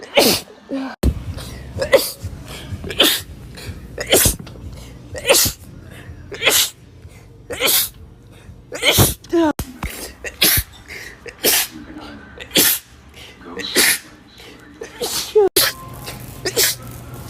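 About fifteen sharp, explosive sneezes come in quick succession, some with a short breath in before them, over background music. Ordinary sneezing.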